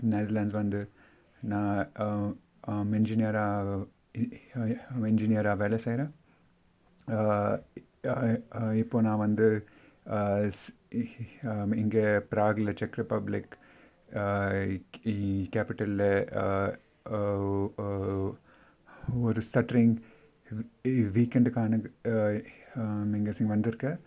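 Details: Stuttering in an adult speaker from India, speaking Tamil.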